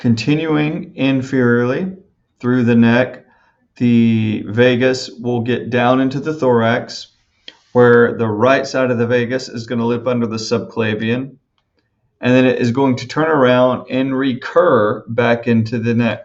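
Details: Adult male speaker; normal speech.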